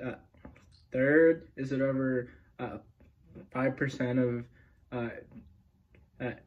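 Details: Adult male speaker; stuttering.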